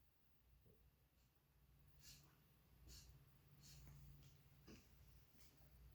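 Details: Dog suddenly starting after dinner with no prior episodes, repeated sharp snorting pulls of air through the nose for about a minute, a couple of ordinary sneezes mixed in, then slowing or stopping; reverse sneezing.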